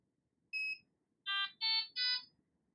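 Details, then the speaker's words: A short high beep, then three louder electronic tones from a Fresenius Kabi Amika ambulatory enteral feeding pump after a long press of the On/Off key; this is the normal power-on signal. "Mise en route. Appuyez longuement sur la touche On/Off. Un signal retentit."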